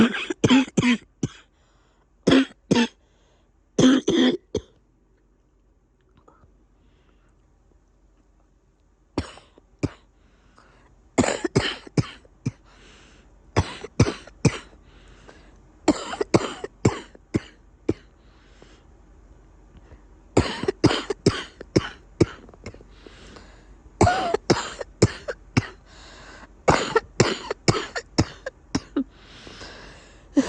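Repeated bursts of wet, phlegmy coughing and throat clearing from an adult, with short pauses between groups.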